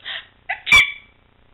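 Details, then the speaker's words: A single weak, acted-sounding sneeze with a small high squeaky lead-in, mocked by a companion as hardly a sneeze. "what the heck was that a sneeze a sneeze yes you call that a sneeze"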